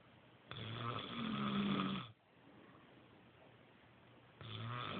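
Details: Adult man snoring: a loud rattling snore on the in-breath, then a quiet out-breath, then the next snore begins; ordinary snoring.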